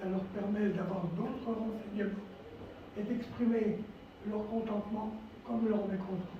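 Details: Adult man, a former nurse, with dysphonia from vocal cord lesions and respiratory problems following coronary bypass surgery, complications including pleural problems, and 4 months in intensive care.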